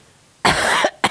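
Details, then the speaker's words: Elderly grandmother coughing strongly during a family visit, which she attributes partly to medication: a loud, harsh cough burst followed by a shorter second cough. "what you coughing for I don't know it's the it's um medication too"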